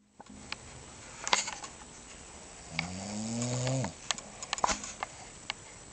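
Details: Parent snoring (mother, then father): one low, rough, vibrating snore on breathing in, about a second long, amid faint room clicks; ordinary adult snoring.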